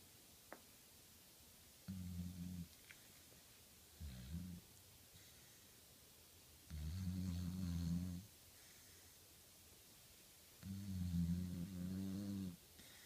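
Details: Small dog snoring in sleep with her tongue sticking out: low, buzzing snores of uneven length with quiet pauses between them, in a quiet room.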